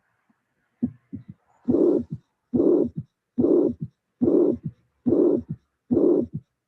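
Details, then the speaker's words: Severe mitral regurgitation with left atrial enlargement, rheumatic valve disease: regular heart cycles about 71 a minute, first sound, long loud systolic murmur, second sound, then soft third sound; murmur best at the apex, radiating to the axilla. "so before I start please appreciate here the first sound the regor mmor the second sound and the third sound"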